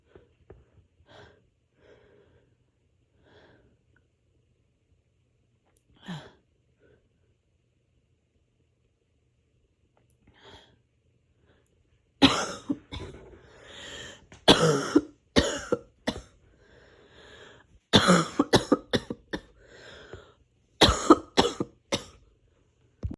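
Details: Painful, harsh coughing fit with a cold: after quiet breathing and throat sounds, about fifteen forceful coughs come in rapid clusters.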